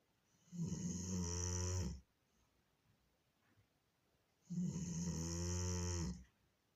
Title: My Doberman snores louder than a Japanese sumo wrestler! 🤣😎 loudly ❤️ #funnyvideo